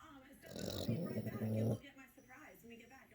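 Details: Boxer puppy snoring: one loud, rough, rattling snore on an in-breath, then quieter breathing noise; snoring.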